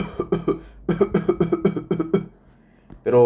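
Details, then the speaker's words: Adult imitating a coqueluchoid (pertussis-like) cough: a rapid run of about nine short coughs resembling whooping cough but lacking the inspiratory whoop afterwards. "Luego tenemos la tos coqueluchoide que se parece a la anterior, pero falta este componente inspiratorio."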